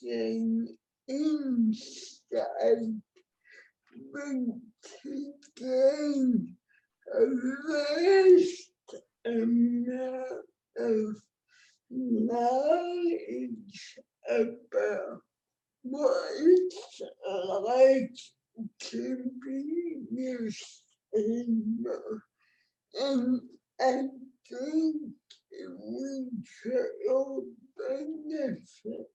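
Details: Adult woman with cerebral palsy, born before the ADA, with heavily affected speech; dysarthria (cerebral palsy).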